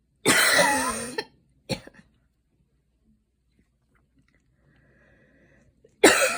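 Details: Three harsh coughs after running about 5 minutes before rain began: a long rasping one, a short second, and another after a pause.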